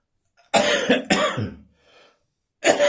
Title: Christmas morning bronchitis cough.